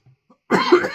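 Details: An adult eating a freeze-dried ice cream sandwich coated in 7-Pot Primo pepper dust during a hot-food challenge: a faint throat sound, then one harsh cough, an irritant cough from inhaled pepper dust.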